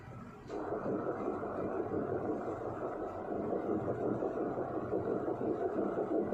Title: Fetal heartbeat at 7 weeks gestation